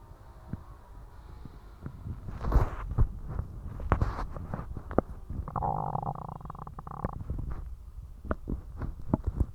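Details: Borborygmi after eating spicy ramen: low gurgling and bubbling stomach rumbles with brief clicks and a longer squeaky gurgle.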